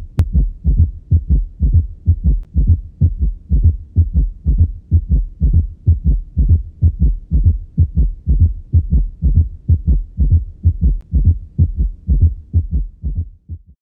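Regular low-pitched heartbeat with extra soft thuds around each beat, an S3 and S4 gallop rhythm.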